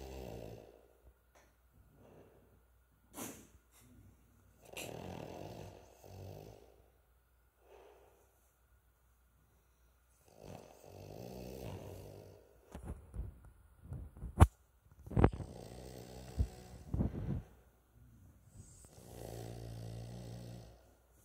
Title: Our dog is snoring loudly to a microphone